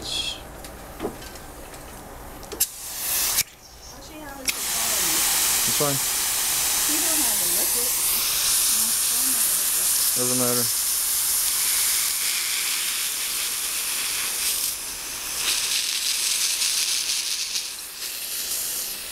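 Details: Dental air-water syringe and suction rinsing a patient's central incisors after hydrochloric acid and pumice microabrasion of hypocalcified brown stains: brief clicks, then a loud sustained spray-and-suction hiss with gurgling.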